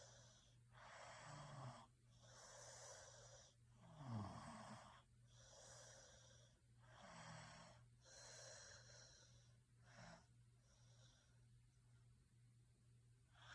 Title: Snoring sounds Sleep 🛌 well